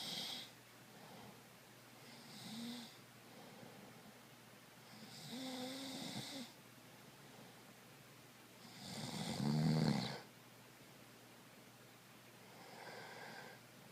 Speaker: Was I snoring? Yes.